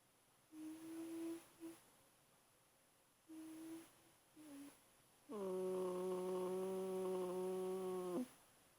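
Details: Eight-week-old German Shepherd puppy asleep, snoring and giving short soft whimpers, then a long steady whine; ordinary sleep vocalizations.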